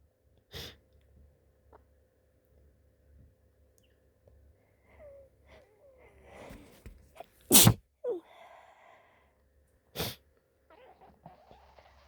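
Three sharp sneezes, one with a small lead-in breath, with quiet sniffing and soft vocal sounds between: sneezing during the flu.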